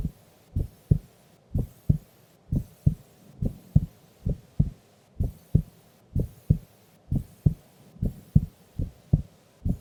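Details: Female recorded asleep during an afternoon nap: steady paired lub-dub heart sounds at about 80 beats a minute, no extra sounds; normal heart sounds.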